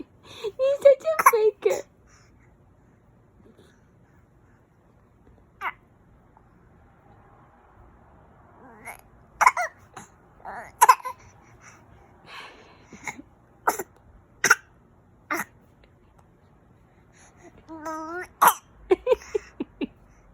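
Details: Baby making voluntary fake coughs: babbling with short, deliberate, playful cough-like sounds, not an illness cough.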